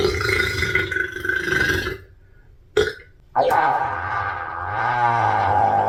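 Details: Girl volleyball player burping: a long, loud, voiced belch that rumbles out after a brief pause; an ordinary burp.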